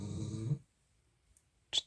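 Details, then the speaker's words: A dog lying very close to the phone gives a single low, rattling snore while sleeping, then quiet and a brief soft rustle. "Désolé pour le ronflement, mon chien s'est allongé très près du téléphone et on l'entend juste, mais c'est comme ça que ça m'arrive, Cami."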